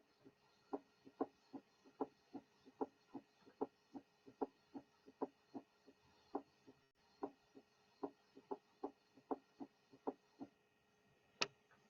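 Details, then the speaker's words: Teaching recording of a third heart sound (S3): a regular heartbeat with a soft, low extra thump just after S2, with the S3 occasionally removed to show its position in the cardiac cycle. "Listen to the following S3. The third sound will be taken out occasionally to enable you to determine its position in the cardiac cycle."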